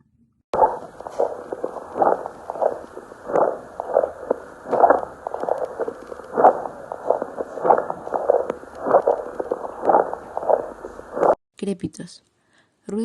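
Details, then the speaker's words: Crackles in a lung auscultation demonstration: many brief, fine, high-pitched popping sounds like velcro pulling apart, intermittent and mainly inspiratory, from previously closed small airways opening. "luego crujiente similar al que se produce el despegar el velcro pueden ser sonidos finos de corta duración y de alta tonalidad"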